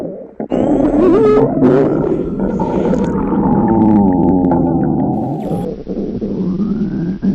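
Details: Hunger stomach growling recorded in a quiet room from a girl after a 24-hour fast: a long, loud groaning and squeaking gurgle with shifting pitch, normal bowel sounds.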